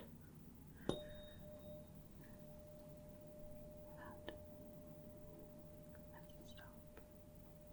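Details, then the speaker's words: Role-played ASMR hearing exam: a struck tuning fork is placed on the mastoid process behind the ear, then in front of the ear, for a Rinne test, giving a soft ringing tone. Tuning fork tone (Rinne test). "now for the Renee test I am going to strike the tuning fork and put it on the mastoid process behind the ear"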